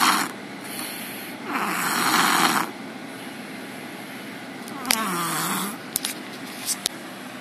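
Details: Loud, harsh, fluttering snores on the in-breath, with a lip-smacking pause between them; typical snoring.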